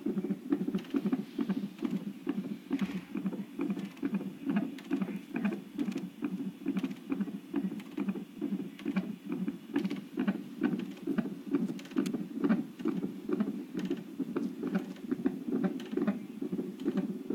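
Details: Fetal heart rate on a non-stress test at 38 weeks pregnant, ordered twice weekly because the baby measured large and the mother had rapid weight gain; rapid, regular whooshing Doppler heartbeat at about 136 bpm, with beeps marking felt movements.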